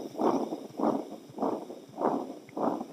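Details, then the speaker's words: Veterinary cardiac auscultation teaching example: a continuous, rumbling, engine-like murmur swelling with each beat, about 100 a minute, with no quiet gap; a machinery murmur of patent ductus arteriosus, described as typical of puppies with congenital disease. "nombre genérico de nombre didáctico es soplo en maquinaria típico de cachorros con una patología congénita que en este momento no me interesa que se acuerden pero que es el ductus arterioso persistente de este soplo"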